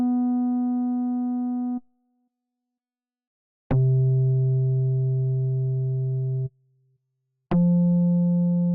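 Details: Simulated pure-tone hearing test in an ASMR role-play, not a real exam: steady beeping tones of differing pitch, each held a few seconds with pauses between; patient scored over 90% in both ears; pure-tone audiometry test tones.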